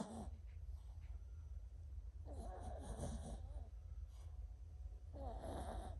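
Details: Sleeping Chihuahua snoring while dreaming: rattling, snorting breaths repeating in slow cycles over a low room hum.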